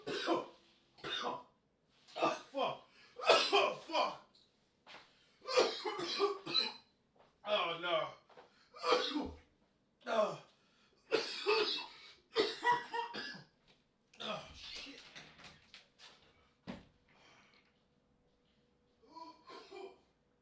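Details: An adult man coughs in repeated harsh bursts with strained, gasping sounds between them after hitting a new vape cart, left crawling on the floor gasping for air: coughing fit.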